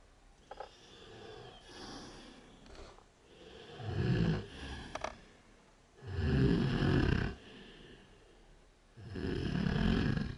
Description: #DrunkGirl #snoring at 5AM while passed out from a bonfire party.